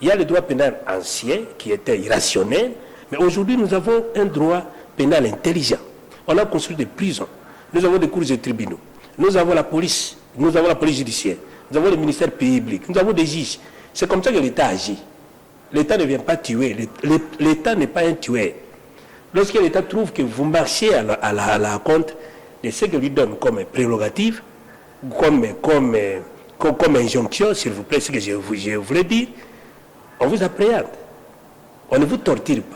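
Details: Adult man who says he stutters (self-identified stammerer), speaking French spontaneously with repeated syllables: stuttering.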